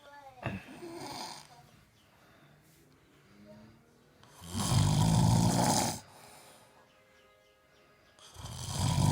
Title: THE SNORING APE